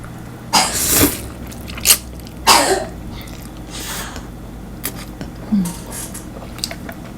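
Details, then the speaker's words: Several short, harsh coughs from a sick young child in the background, worse in windy weather, with kitchen and room noise; cough. "เด็กน้อยก็ป่วยป่วยแล้วพอมันลมอ่ะมันก็ไอเพิ่มอย่างงี้"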